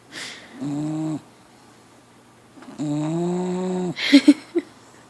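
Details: Four-month-old pit bull puppy snoring in sleep: two drawn-out, droning snores on breathing in, followed by a few short snorts.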